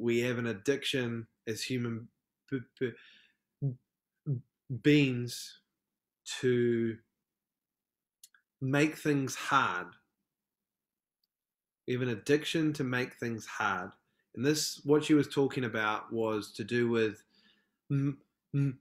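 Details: Stuttering with repetitions and pauses in an adult male from New Zealand who describes himself as a proud person who stutters; podcast interview.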